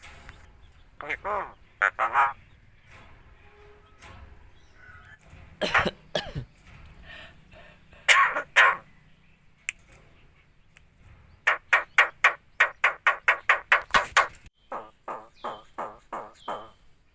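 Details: A myna bird (jalak) that mimics human speech gives short cough-like bursts and a rapid run of clipped, voice-like calls, imitating a human cough and greeting.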